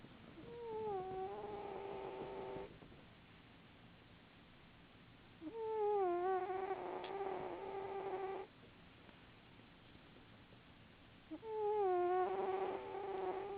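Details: Sleeping pet cat, a loud snorer: three long, whistling, moan-like snores at roughly eleven a minute, with quiet between them.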